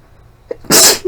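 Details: Deliberately induced sneeze after a month of rarely inducing: a quick catch of breath, then one sharp, hissing sneeze burst.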